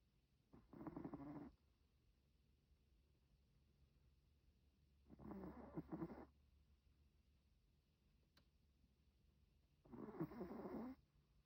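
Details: Chihuahua dog snoring: soft rasping snores on each breath, about three in eleven seconds, separated by quiet pauses.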